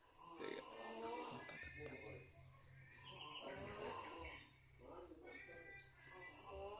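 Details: Person snoring in sleep while listening to recorded birdsong: low, rattling breaths about 20 a minute under loud birdsong.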